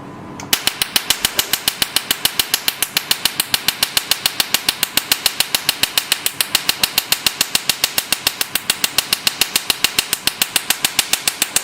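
Rapid, very regular sharp snapping pulses, about 140 a minute, from a Q-switched Nd:YAG laser handpiece test-firing.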